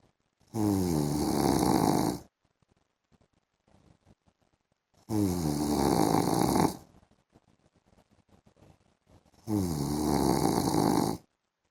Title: PART 1 MY HUSBAND'S SNORING SOUND IN THE AFTERNOON